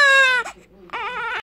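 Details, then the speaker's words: Newborn baby girl on her first day home from the hospital, crying for milk: two loud, piercing hunger-cry bursts with a short gasp between. "looking forward to it I know you're hungry feed you now"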